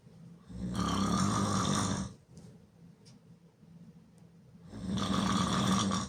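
Very loud, harsh, rumbling snores through an open mouth, two long snores with quieter breathing between.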